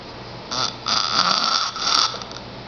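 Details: A 10-year-old boy snoring loudly while asleep: loud, rattling, harsh buzzing breaths in bursts of about a second.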